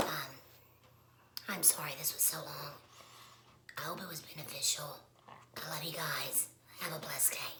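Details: Woman who has had a laryngectomy, speaking with alaryngeal voice, voice method not stated; alaryngeal speech after laryngectomy.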